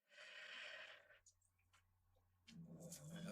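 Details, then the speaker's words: A sleeping cat, stressed after being locked in a barn overnight, snores in the background: a rough, breathy rasp, a short pause, then a lower rumbling breath. "I apologize for the cat snoring in the background I really don't want to wake him up"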